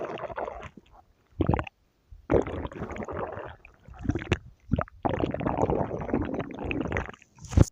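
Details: Bursts of gurgling, squishy rumbling separated by brief silences; stomach growling (borborygmi).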